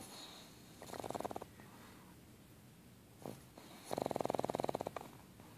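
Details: Pug snoring in sleep: two snorting, fluttering snores with a rattling, vibrating quality on the breath in.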